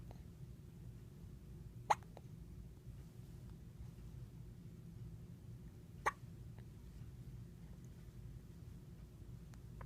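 Two brief, sharp hiccup sounds about four seconds apart over a steady low room hum.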